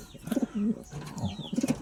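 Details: Pigeon two weeks after treatment for rattling breath (halak) that an earlier 7-day medicine course had not cured; cooing is full again with no rattling heard; normal pigeon cooing.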